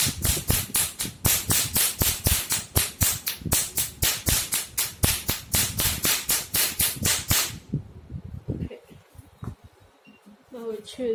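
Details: Rapid train of sharp snapping clicks, about four per second, stopping abruptly, as the laser handpiece of a multifunctional OPT/RF/laser machine is test-fired at its highest energy using a foot pedal, with adjustable frequency.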